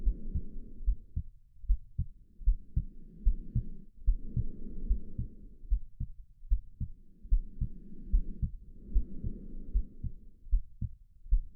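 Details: Sleep-aid sound made to mimic the womb: steady low normal heartbeat thumps about 74 a minute with slow whooshing breaths, a soothing low-frequency background for baby sleep.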